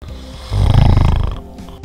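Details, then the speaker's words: A single loud, low, fluttering snore on an in-breath, lasting under a second, over faint background music. "আমাদের মধ্যে অনেকের নাক ডাকার সমস্যা আছে এই প্রবণতা থাকলে মস্তিষ্কের ক্ষমতা ধীরে ধীরে কমতে শুরু করে এবং স্মৃতিশক্তিও ঝাপসা হতে থাকে"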